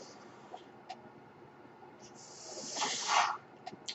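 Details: Mechanical ventilator sound: over faint room noise, a single airy hiss swells and fades in under a second with a few soft clicks as the ventilator delivers a breath; the speaker says it is his ventilator.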